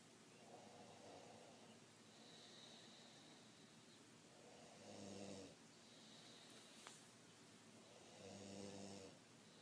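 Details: Loud snoring recorded on an iPhone: rattling snores with each breath, about 16 a minute, over steady room noise.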